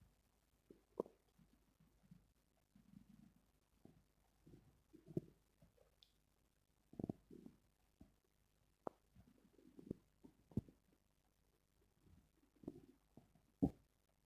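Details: Normal bowel sounds (stomach growling): irregular low gurgles and short squelching rumbles from the belly in a quiet room.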